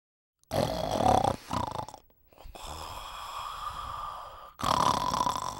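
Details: Man's snoring in an earplug advertisement: loud, rough, rattling snores alternating with hissing out-breaths.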